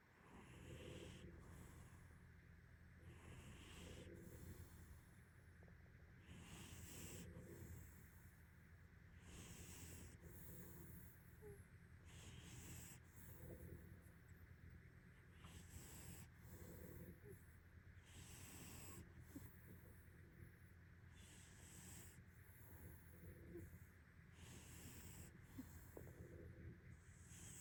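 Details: Two sleeping tomcats snore in soft, regular breaths, about 22 a minute, over a steady low room hum, with a third non-snoring cat present.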